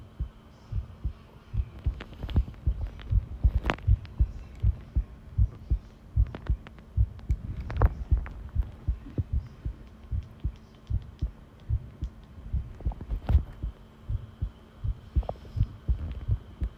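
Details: Long-duration heart sound recording of a person listening to their own pounding heartbeat: strong, steady heartbeat at about 79 beats a minute with a faint background hum; normal heart sounds.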